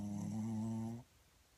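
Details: Shih Tzu asleep under the owner's arm while cuddling: one drawn-out, buzzing, humming snore lasting about a second, then quiet.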